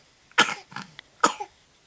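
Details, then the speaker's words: Two short, harsh coughs from a baby just awake in the morning after sleeping through the night, with a small throaty sound between them; the parent calls it a pretty bad cough. "oh that's a pretty bad cough nice good one this might take a while"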